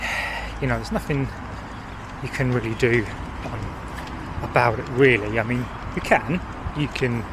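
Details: Stammering in an adult man who says he hid his stammer for about 40 years.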